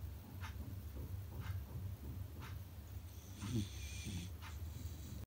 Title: Beagle puppy loud snores #dogsnore #beagle #trending #trend #sleeping #dog